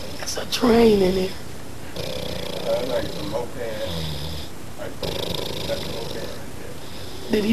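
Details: An old man, said to be drunk, snores loudly: a brief voice sound, then loud, rough, fluttering snores on repeated breaths with room noise between them.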